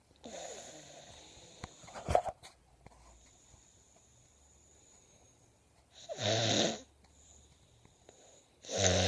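Two harsh, noisy in-breaths a few seconds apart after a quieter stretch: snoring.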